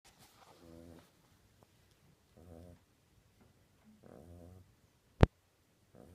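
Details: Dog snoring: soft, regular buzzing snores about every one and a half seconds, with one sharp sneeze near the end.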